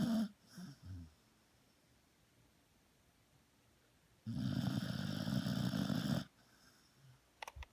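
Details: Sleeping female dog snoring: a long, loud, rattling snore lasting about two seconds, with softer breathing noises before it.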